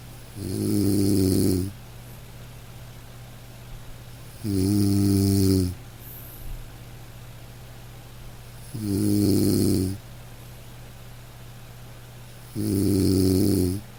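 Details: Loud, regular snores about 15 times a minute, each a low rattling buzz on the in-breath, from a person snoring continuously.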